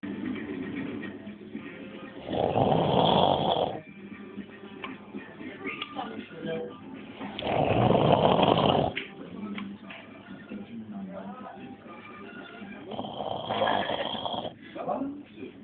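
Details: Man asleep in a club snoring: loud, rough snores about every five to six seconds, roughly 11 a minute, over background chatter and music.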